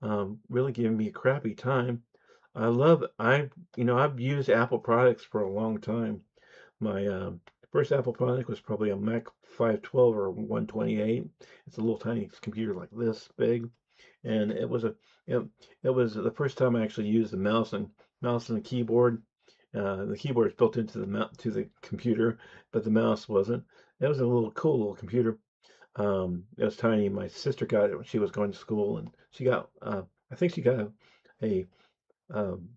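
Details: Speech impediment (disfluent speech), self-reported and audible, in an adult man.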